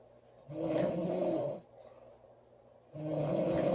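Loud, rough snores on the breaths in, about a second each with quiet pauses between: ordinary loud snoring.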